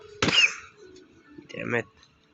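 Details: A cough from a person who says they have a cough: a single sharp cough burst, then a brief voiced sound, over faint background music.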